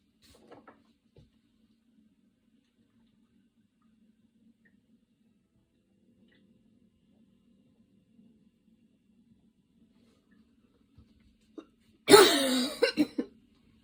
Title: rest of the afternoon cough, the video is a bit old, im posting it just now